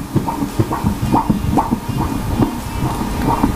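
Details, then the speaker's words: Fetal heartbeat at 7 months of pregnancy in breech presentation, measured by the machine at 128 beats per minute and called very normal: rapid, regular whooshing pulses; fetal heartbeat. "So yan yung heartbeat ng baby. Correct. Yan yung heartbeat. At actually nakikita natin yan at the same time naririnig din natin."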